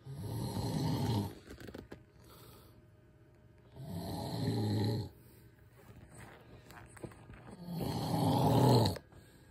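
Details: Loud, low, rattling snores on each breath in, about 16 a minute, with quiet pauses between, from a sleeping husband; heavy snoring.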